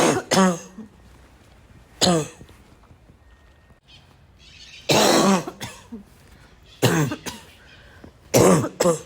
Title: omg I can’t stop coughing